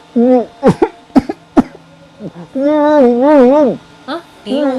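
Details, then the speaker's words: Acted sputtering coughs and strained, throaty gagging sounds from an adult man who choked on bread while eating and being talked to; a staged choking cough. "Keselak. Diomongin orang biasanya kayak gitu. Mitosnya gitu kalau keselak tuh diomongin orang."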